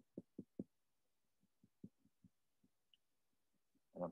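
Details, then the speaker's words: Nursing health assessment demonstration: posterior chest percussion on a mannequin, finger tapping over the knuckle down each side; hollow resonant notes bilaterally, normal resonance (dullness could suggest pneumonia or mass). "i am getting resonant findings on both sides of the patient so resonance noted bilaterally"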